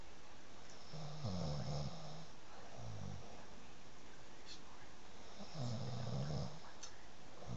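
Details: Low rattling snores on breathing in, two clear bouts, over steady room noise, from a sleeping person; snoring.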